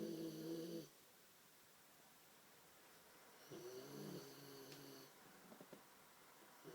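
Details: Sleeping female dog: two tonal, buzzing snores a few seconds apart, each lasting about a second, in a quiet room; snoring.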